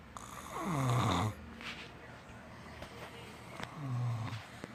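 Two low, rattling snoring breaths, the first long and loud, separated by quieter breathing and small room noises.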